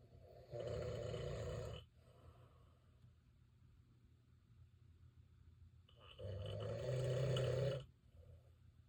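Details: Husband's very loud snoring during sleep: two loud, deep, rumbling snores with a long quiet gap between them, in a quiet room; heavy snoring.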